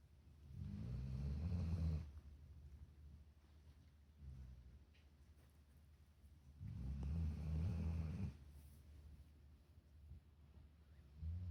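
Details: Snoring: low, rumbling, fluttering snores on each breath in, about two in ten seconds, with quiet spells between.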